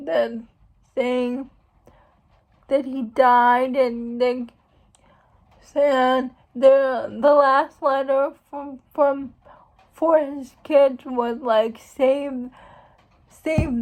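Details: Speech of a young woman who states she has cerebral palsy; dysarthric speech in cerebral palsy.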